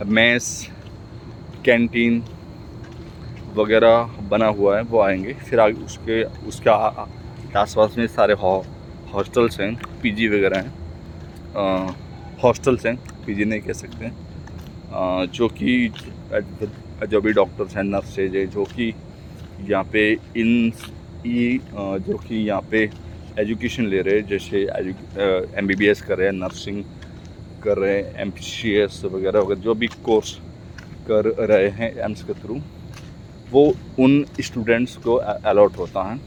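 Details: Adult man speaking Hindi who stammers, speaking for his own practice; word repetitions heard; stuttering.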